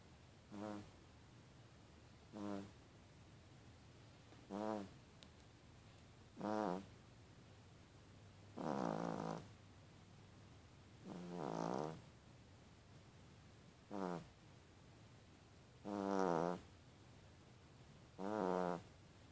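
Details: Yorkshire Terrier snoring during sleep: soft, regular snorting snores, about 27 a minute, each a brief buzzy rattle; snoring.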